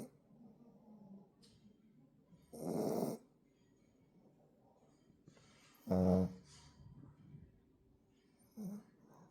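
Three loud, rattling snore bursts several seconds apart over quiet breathing, typical of a flat-faced dog snoring.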